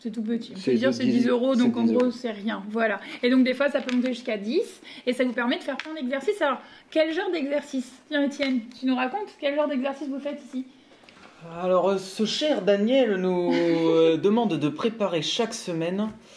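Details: Adult speakers, French conversation; no speech disorder.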